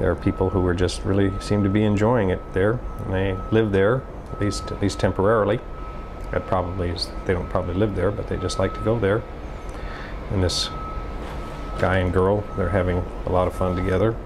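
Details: 56-year-old right-handed man, symptoms began about five years earlier, describing a picture; fluent, fast speech with intact grammar and motor speech but difficulty retrieving specific nouns; semantic variant primary progressive aphasia (semantic dementia).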